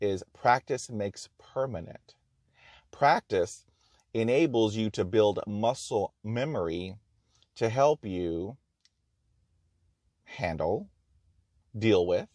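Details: Adult man who has stuttered for 44 years and had over 20 years of speech therapy, still stuttering with blocks and repetitions; stuttering.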